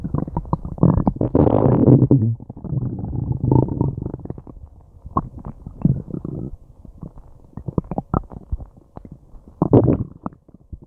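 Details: Loud, frequent gurgling and rumbling with bursts of bubbling and low groans from a person's belly, ongoing for a long time after eating something unknown; active bowel sounds (borborygmi) of digestion.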